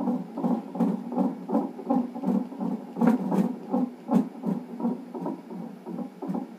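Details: Fetal heartbeat on a non-stress test monitor in a pregnancy with polyhydramnios, with a reactive result. Fast, regular whooshing thumps at about 150–165 a minute, within the normal fetal range.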